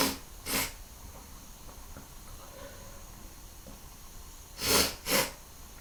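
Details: Three short, sharp, breathy bursts with quiet room noise between them, let-out and stifled sneezes; sneezing.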